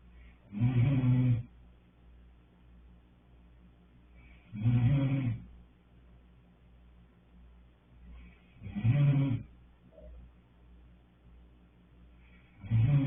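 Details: Loud, low rattling snores about every four seconds, roughly 15 a minute, with quiet breathing between; typical snoring.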